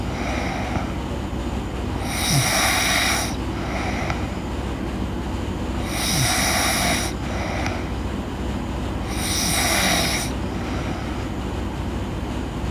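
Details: Girl snoring in sleep: three loud, harsh snores about every four seconds, with steady room noise between; ordinary snoring.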